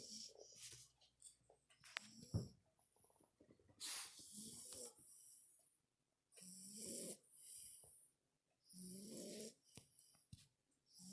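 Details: Sugar, a sleeping dog, snoring: irregular soft snores and snuffling breaths with some rustling.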